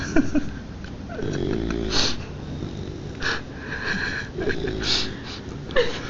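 Repeated low rattling snores with a faint whistling edge on the breaths, over loud room noise; a puppy snoring.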